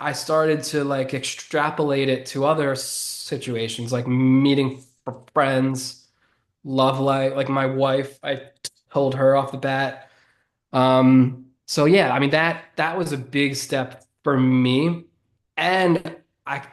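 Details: 33-year-old man who has stuttered since about age seven or eight; he calls it predominantly neurological and relatively normal, not severe. Finding: stuttering.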